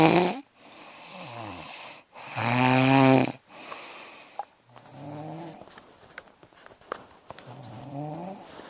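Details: Loud rattling snores on breaths, with quieter fluttering snores and soft clicks between them, during sleep; snoring.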